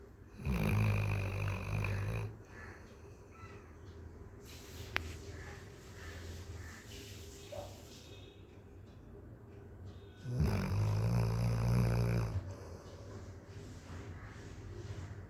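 A sleeping dog snores loudly, with two long, deep, rattling breaths about ten seconds apart and softer breathing between them.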